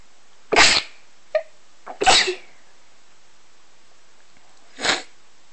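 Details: Several different-sounding sneezes chosen from many recordings: a series of sharp, explosive sneezes, three loud and one or two softer, in a quiet room; sneezing.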